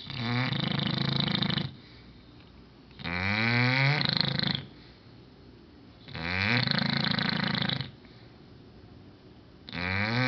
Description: My english bulldog Ballerina snoring very LOUD